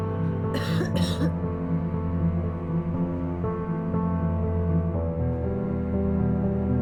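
Two quick acted coughs from an adult near the start, then steady background music with no further sounds.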